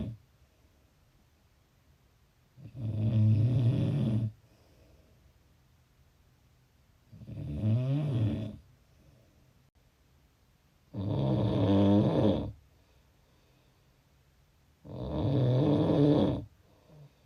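Four loud, low, rattling snores on breathing in, roughly 15 breaths a minute, separated by quiet pauses.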